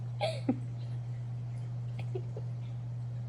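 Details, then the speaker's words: Soft, abrupt little hiccup catches from a pet cat, Cece, over steady mains hum; hiccups that stop shortly afterward. "my cat has the hiccups I didn't know cats could get hiccups"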